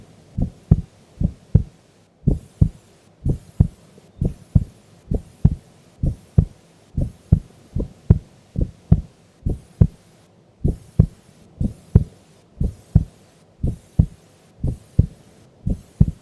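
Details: Sleeping female during an afternoon nap: steady, clear, regular paired lub-dub beats at about 96 a minute with no extra sounds; normal heart sounds.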